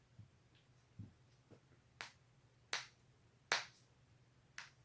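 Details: Self-cracking of neck and back joints: several sharp pops at irregular intervals, some faint, some loud.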